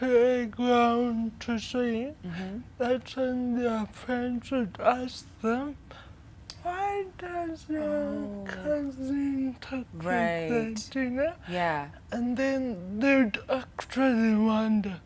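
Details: 25-year-old woman with cerebral palsy caused by lack of oxygen at birth during her mother's prolonged labor, affecting leg and hand movement, coordination and speech; dysarthria (cerebral palsy).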